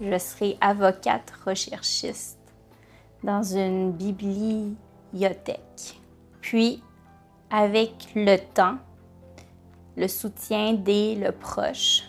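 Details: Adult woman lawyer who stutters; stuttering.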